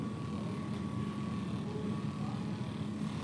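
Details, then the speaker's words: Steady motor hum with rapid buzzing pulse from a percussion massage gun gliding along and across a client's back muscles under its own weight, spine covered by hand. "I'm going to turn my massage gun on here, and then we're going to glide up and down the length of the muscle."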